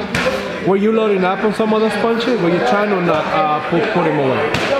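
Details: Adult man, interviewer; ordinary speech.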